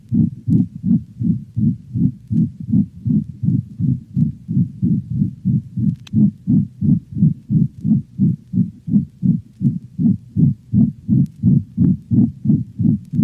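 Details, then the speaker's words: Dog, heard most distinctly along the cranial left ventral thorax: rapid heartbeat with a loud, high-frequency, harsh crescendo-decrescendo (diamond-shaped) systolic murmur of pulmonic stenosis that may obscure other heart sounds. "notice how the loud intense sound heard with pulmonic stenosis may obscure other heart sounds"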